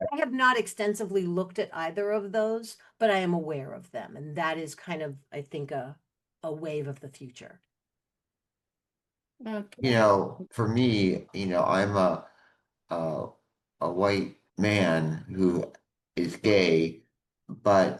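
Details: Aphasia in a man, caused by a stroke 21 years ago; initially could not speak, then spoke one word for a year, gradually improving, with some ongoing speaking difficulties.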